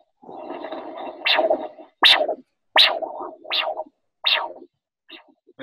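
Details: Rhythmic whooshing pulses at about 82 a minute, each a sharp surge that quickly fades: normal brachial artery Doppler signal at the elbow, heard during a podiatry vascular assessment teaching session.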